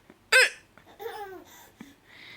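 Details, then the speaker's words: Grandma's hiccups making a baby laugh: a single sharp hiccup followed by the baby's bright laughter; hiccups. "okay I'll give you one more hiccup and if you're distracted and you aren't even looking at me okay I'm gonna try and get rid of my hiccups now okay"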